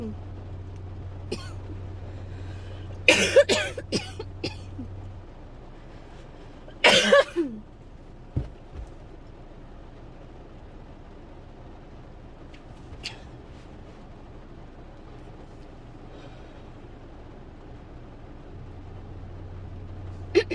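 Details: Adult who woke up coughing, has barely stopped and is likely getting sick: clusters of short, harsh, dry coughs, then quiet over a steady low hum, a painful dry coughing fit.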